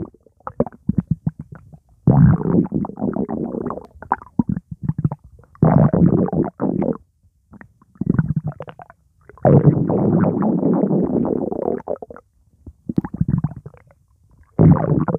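Loud, irregular gurgling and churning bursts from the abdomen, with pauses between them: stomach rumbling, or borborygmi, from gas and fluid moving.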